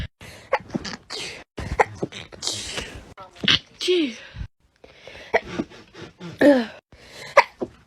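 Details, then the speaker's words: Sneezing compilation clip: a person with allergies who says they sneeze constantly gives a series of sharp, explosive sneezes mixed with coughs and brief talk. "Out here raw dogging these allergies. Oh my god. So many sneezes. It's constant."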